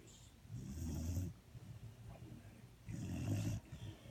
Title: Snoring dog